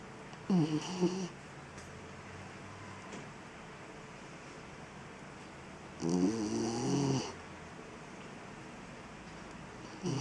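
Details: A dog loudly snoring: two rough, rattling snores about five seconds apart over quiet room noise.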